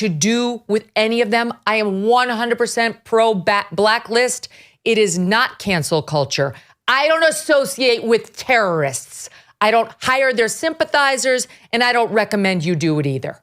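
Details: Adult woman speaking; normal voice.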